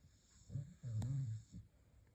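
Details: Staffy (Staffordshire bull terrier) dog snoring: short, low, snorting snores on each breath, light, with a faint steady hum behind; snoring.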